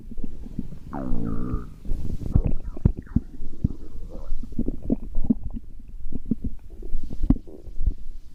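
Low gurgling and rumbling with irregular bubbling pops and a brief squeaky whine; ordinary stomach growling from gas and fluid moving through the gut.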